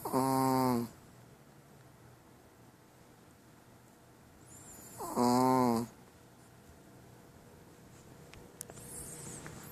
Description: Our chihuahua princess snoring like a freight train....Ruff Life.....